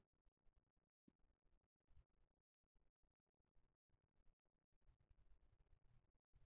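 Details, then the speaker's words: Korotkoff sounds heard with a stethoscope in the cubital fossa as the arm cuff deflates from 155–160: soft low thumping taps that vanish near 60, giving about 105–110/60 mmHg. "The sounds disappeared in the moment when the cuff pressure was approximately 60."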